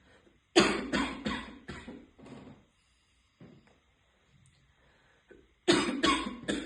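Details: Heavy smoker, an adult woman, coughs after deep vape hits: two bouts of about nine harsh, barking coughs with choking, wheezing and throat clearing; smoker's cough.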